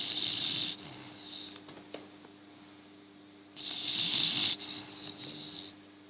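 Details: English bulldog snoring, tongue coming out and spasming: two hissing, whistling breaths about three seconds apart over a steady room hum.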